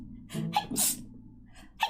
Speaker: I'll get grounded for a whole day, but Uh. it's way worth it 'cause I need to sneeze again.